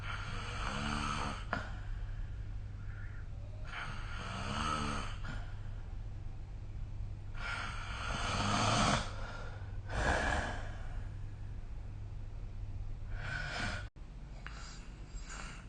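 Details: Snoring recorded with the SnoreLab smartphone app: repeated rough, fluttering snores with each breath over a steady low hum of room noise, ordinary sleep snoring.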